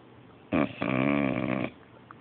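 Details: Sleeping Beabull dog (English bulldog/beagle mix): a single loud, buzzy, rattling breath sound about a second long; snoring.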